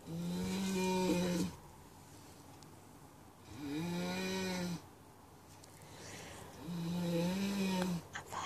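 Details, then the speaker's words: 36-year-old woman weighing 75 kg, asleep at 2 a.m., heard from about 2 metres: loud, low, droning inspiratory snores about 19 a minute with quiet pauses; heavy snoring. "It's 2 a.m. here and I can hear my nanny snoring here in Singapore. We're like 2 meters away."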